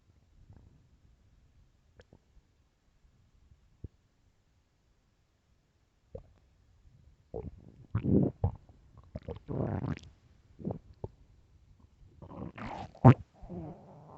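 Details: Loud hungry stomach growls, recorded for headphones: near silence, then a run of loud gurgles and rumbling growls rising and falling in pitch; hunger growling, normal bowel sounds.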